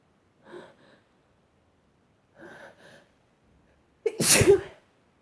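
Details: Person sneezing, with two soft build-up gasps then one strong, explosive sneeze, part of a long bout that includes stifled and wet sneezes: sneezing.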